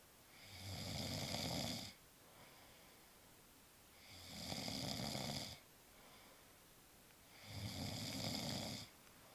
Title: Snoring Husband!!